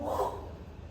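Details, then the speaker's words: Vocal imitation of the diastolic murmur of pulmonary regurgitation at the pulmonary area, which intensifies on inspiration; a brief breathy whoosh. "soplo diastólico en foco pulmonar que se intensifica a la inspiración."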